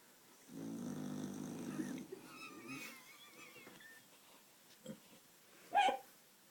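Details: One rough, rumbling snore on a breath, followed by quieter breathing noises and a brief snort; snoring.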